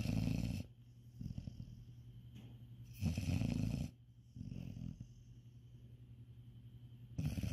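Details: Sleeping cat snoring after a tiring day: low rumbling snores, each under a second, repeating about every 3 seconds.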